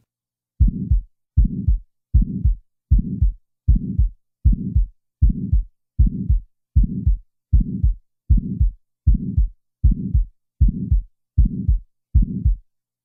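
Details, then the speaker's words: Simulated heart sounds at about 78 beats a minute: an early systolic ejection click, then an added systolic ejection murmur. "in the next example an ejection click will be introduced and then a systolic ejection murmur will be added"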